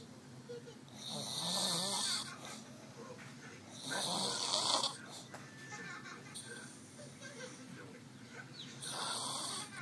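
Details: Sister asleep in a chair, noisy hissing snores with inbreaths, three in about ten seconds, separated by quieter breathing: snoring.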